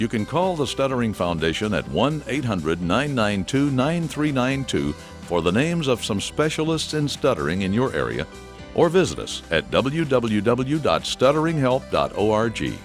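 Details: Adult male narrator over background music; ordinary fluent speech.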